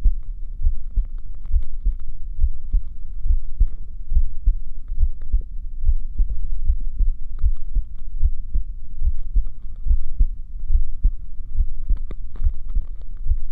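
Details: Steady, low thumping heartbeat at about 70 beats a minute; a normal resting rhythm.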